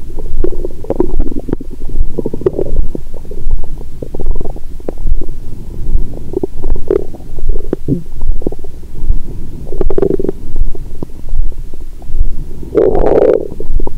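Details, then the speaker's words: Woman's abdomen through a stethoscope after Christmas dinner with wine following a 22-hour fast. Frequent, nearly continuous gurgling and rumbling, growling all the time; active bowel sounds after a meal. "यहाँ से, पेट की आवाज़ों का अनुवाद करना वाकई कठिन था, और मैं टाइम स्टैम्प🙇 भी नहीं बना सका। मेरा पेट हर समय गड़गड़ाहट कर रहा है। मुझे तुम्हारे कानों की चिंता हो रही है😂।"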